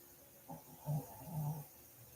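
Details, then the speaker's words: Loud ordinary snoring from a sleeping dog, two low rumbling snores with a faint nasal flutter, over low room noise; she is described as tired and out cold. "ma'am she is snoring so loud she's tired I don't know how she slept with me"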